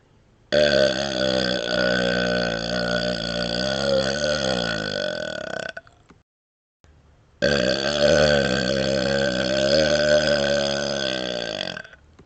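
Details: Prolonged belching while moving the tongue outside the mouth, with two long, drawn-out, rumbling burps of about five seconds each and a short pause between.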